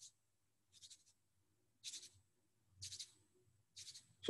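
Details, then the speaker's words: Pericardial friction rub on stethoscope auscultation of the heart in pericarditis: scratchy, rustling rubbing bursts with each heartbeat, about 60 a minute, indicating inflammation of the pericardial layers. "each heartbeat has this friction rub attached with it and so that tells you that the two layers of the there's inflammation going on going on in the heart layers"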